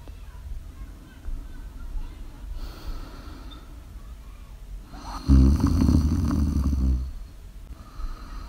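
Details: Live-streamed ASMR recording of a sleeping person snoring: low rumbling snores on inhalation over quiet room noise, one louder snore standing out.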